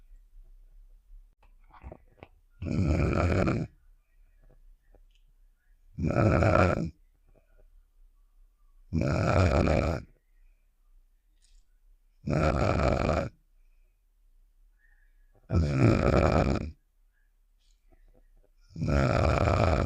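Loud rasping snores repeating regularly, about 19 a minute, with quiet pauses between: a cartoon snoring sound effect.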